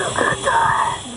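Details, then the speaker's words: Severe asthma attack: gasping, strained whistling breaths with a high musical wheeze, the struggle to pull air into the lungs through airways that have spasmed closed. "gasping weezing it's a severe asthma attack what you're hearing is the struggle to pull air into the lungs through Airways that have spasmed closed"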